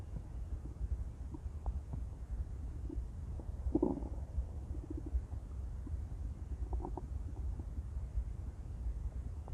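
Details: Stomach growling from a female: intense low rumbling with scattered gurgles and a louder gurgle midway over steady low background noise; borborygmi, normal bowel sounds.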